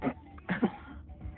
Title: Wen your Friend Coughing on the blunt😂